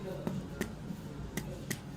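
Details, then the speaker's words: Abdominal percussion in a patient with ascites: four brief, flat taps without drum-like ringing, over free peritoneal fluid, with dullness that shifts with position; dull percussion note (dullness). "donc matité. C'est le cas quand on percute un organe plein comme le foie, ou bien quand on percute du liquide libre dans la cavité péritonéale, soit l'acide, comme c'est le cas ici."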